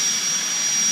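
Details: Steady high-pitched whine of a dental handpiece with water spray during interproximal reduction (IPR) training for aligner treatment, on a stone model; brushing motions open a broader contact, approached from the front and then the lingual/palatal side.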